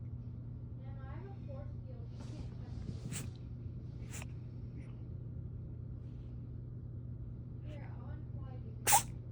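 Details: A cat sneezing several short, sharp times over a steady low room hum, with faint meows between the sneezes.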